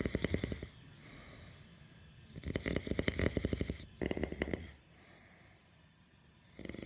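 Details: Father asleep and snoring: rattling, fluttering snores in bursts with quiet pauses between breaths; ordinary snoring.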